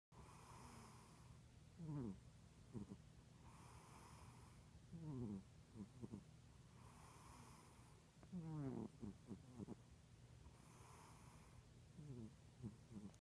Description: My cat snores.